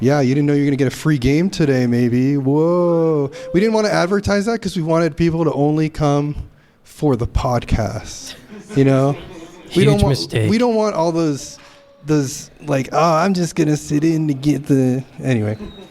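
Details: Adult man speaking; typical adult speech.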